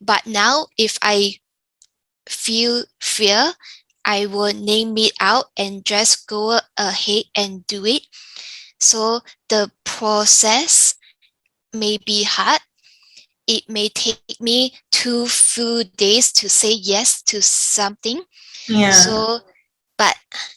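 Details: Younger adult woman with aphasia following a stroke caused by an arteriovenous malformation (AVM), speaking with pauses, fillers and grammatical errors; aphasia.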